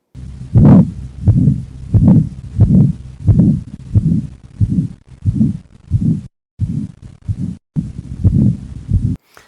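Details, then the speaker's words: Regular heartbeat near 90 a minute with a harsh rushing murmur swelling between beats, played for cardiac auscultation teaching. Aortic stenosis murmur. "Agora, repara a diferença quando comparamos com o som da estenose aórtica, ou seja, do sopro por estenose aórtica."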